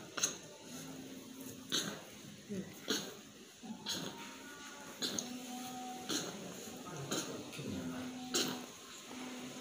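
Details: Eight-month-old infant with prolonged cough and shortness of breath during alternative therapy: repeated short coughing bursts, about seven in ten seconds, with whimpering and noisy breathing between.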